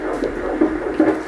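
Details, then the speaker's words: Doppler ultrasound of a fetal heartbeat, with the baby moving a lot inside the womb: rapid, regular whooshing pulses at about 150 per minute, called healthy, even exceptional; normal fetal heartbeat. "so this baby's moving a lot so that's when you hear it go like like that oh that's the heartbeat wow"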